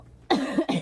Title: Girl Coughing 483